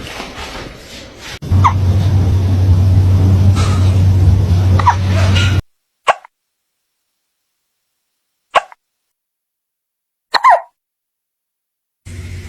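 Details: Cat hiccuping after eating its food too fast: three short, sharp hiccup sounds about two seconds apart in a quiet room, after a stretch of engine-like rumble; hiccups.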